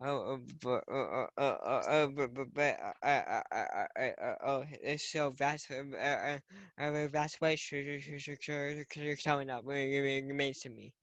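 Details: Young person who stutters, with broken repeated words; stuttering.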